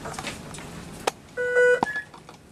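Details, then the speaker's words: Click, then a short steady electronic tone and a brief chirp as a Respironics BiPAP V60 non-invasive ventilator is switched on at its on-off switch; ventilator power-on beep. "The on-off switch right here."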